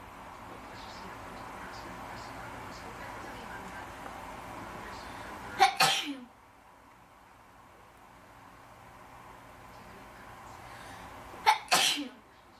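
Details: Induced sneezing in a person: two sharp, explosive sneezes several seconds apart, each preceded by a brief catch of breath.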